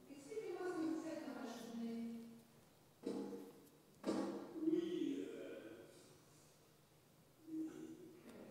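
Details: Very severe Broca's aphasia in a real male patient: massive expressive difficulty and agrammatism, with yes and no and occasional repetition of just-heard sentence fragments still possible. Finding: severe expressive aphasia with agrammatism.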